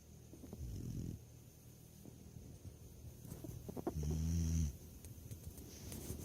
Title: Bully snoring compilation. #bully